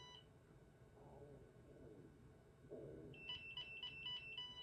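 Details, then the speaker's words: At-home Nira Pro skin laser used around the eyes: rapid repeated high-pitched beeps over faint room noise, the warning tone that the device is not pressed flush against the skin, a poor-contact warning. "And what that means is, you know, you have to have this really pressed flush against the skin, or you will hear this."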